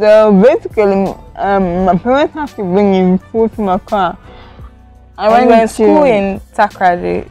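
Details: Adult woman with cerebral palsy from lack of oxygen to part of her brain, impairing coordination; she could not talk at first and says it affects how she moves and talks; dysarthric speech in cerebral palsy.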